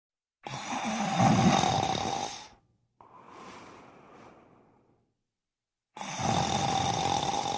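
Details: Staged cartoon-style snoring sound effect from an animated show: a loud, rattling snore, a quieter hissing breath out, then the snore repeats. Not real snoring.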